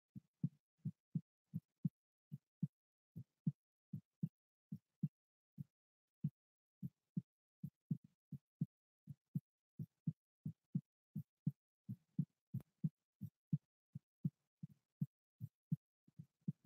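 Steady, soft double-thump heartbeat at about 75 beats a minute, regular rhythm.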